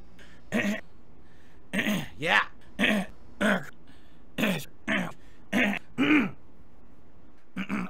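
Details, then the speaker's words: Adult man's repeated throat clearing while talking, which he attributes to allergies and says doesn't hurt: about ten short, rough throat-clearing grunts in eight seconds. "and by the way I'm sorry about my throat like I said I'm my stupid Allergies have been bothering me"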